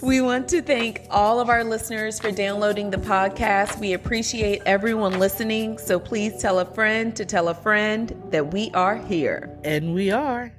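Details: Adult woman speaking; typical speech.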